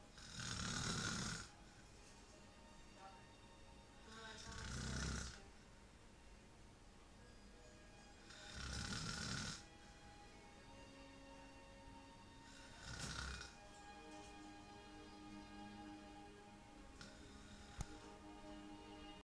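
Four snores at about 15 breaths a minute, each a low rumbling in-breath, with faint music in the background; ordinary snoring.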